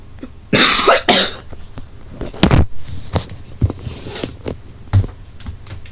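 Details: Two loud, harsh coughs in quick succession, then softer coughs and throat sounds in a small room, from someone who says he is sick and not feeling well.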